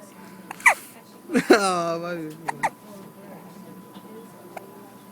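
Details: An infant, with a tube mentioned, makes sharp, abrupt little catches of breath with brief vocal sounds between them: hiccups.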